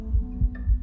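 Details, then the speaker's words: Recorded heartbeat of a two-and-a-half-year-old girl in palliative care with a brain tumor, taken for a heartbeat music keepsake: soft, regular low thumps with a faint hum behind them. "the heartbeat reaffirms that while my memory of her is fading she was here and she did have a heartbeat"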